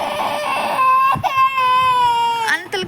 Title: cute baby crying 😭😭. cute baby video#funny #shortvideo # tasmina ahmed